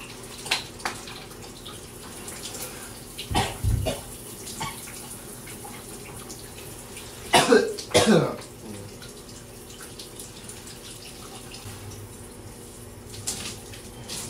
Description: trying to take a shower but i have this bug in my throat that cannot let up and as a result i have these coughing fits in the shower.